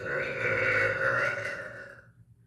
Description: Just some loud echoey burps for all of you :3